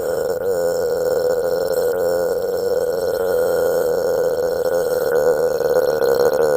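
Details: Girl producing one long, continuous, voiced burp lasting several seconds with a steady low rumbling tone; prolonged belching.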